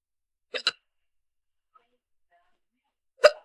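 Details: Young woman with hiccups: sudden, sharp, voiced hiccups, a quick pair then one more a few seconds later, with silence between.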